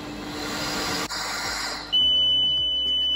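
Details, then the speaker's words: NIPPY 3+ home ventilator high flow alarm, demonstrated: airflow rushing then continuous high-pitched alarm tone signalling a leaking mask or tubing disconnected from mask or ventilator; device then prompts mask/circuit leak check and escalates to high-priority disconnection alarm. "i'll show you what would now happen if the alarm was just too sound this is a high flow alarm now"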